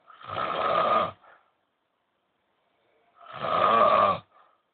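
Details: Old men snoring during sleep, every night, keeping the listener awake: two loud, rattling snores about three seconds apart with silence between.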